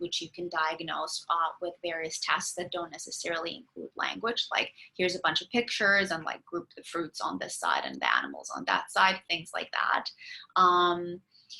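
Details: Adult lecturer; typical speech.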